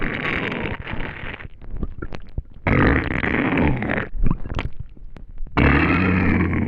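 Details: Loud gurgling, rumbling bowel noises in irregular bursts with bubbling pops; hunger borborygmi of an empty stomach after not eating for a day, a normal finding.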